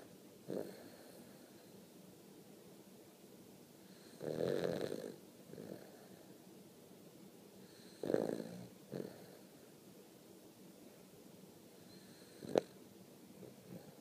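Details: Quiet, irregular snorting snores with soft breaths and a brief click between them in a quiet room; snoring.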